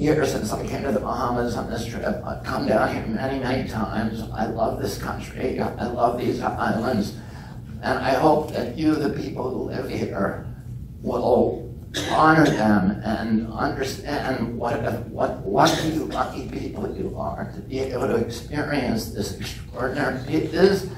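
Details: Real adult man with spasmodic dysphonia (he calls it spasmodic dystonia), onset at age 42 after a previously strong voice; he reports symptoms lessen or go away after speaking a while. Finding: spasmodic dysphonia.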